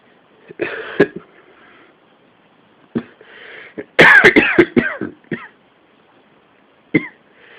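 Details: Coughing fit during a cold: bouts of harsh, repeated coughs with noisy breaths in between.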